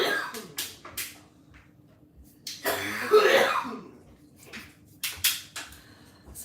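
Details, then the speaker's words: Coughing in the background, which a bystander attributes to smoking pot; cough. "that's why you don't smoke pot you hear that coughin in the background"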